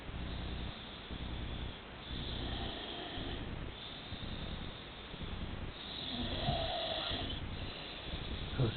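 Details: Snoring of a sleeping woman who claims she doesn't snore: repeated rough, rumbling snores in long rattling breaths, some with a hissing note, over steady background noise.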